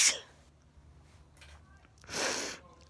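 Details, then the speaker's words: Person sneezing late at night: two sharp, hissing bursts of air about two seconds apart in a quiet room; sneezes. "and just before bed I started sneezing h oh well folks I just wish I could catch it catch my sneezes when I'm when my body is totally out of control"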